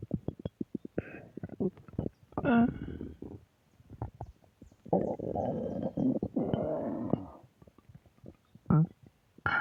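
Bursts of low rumbling, creaky growls and gurgles separated by quiet gaps, ordinary stomach growling.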